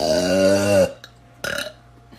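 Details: Adult woman (mother) burping hard, giving a long, loud, voiced belch lasting almost a second, then a shorter second burp; she says she sometimes swallows air. Belching.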